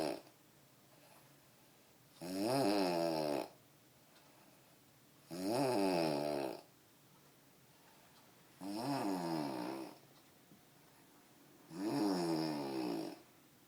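Loud, rattling snores on each in-breath, about 19 a minute, with quiet pauses between them: steady heavy snoring.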